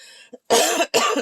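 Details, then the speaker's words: Two quick, harsh, fairly dry coughs in a row from an adult with allergies and asthma acting up, with a brief catch of breath between. "So my allergies and asthma are still acting up. So you have to forgive me if I'm coughing or sniffling, or if you can hear me breathing."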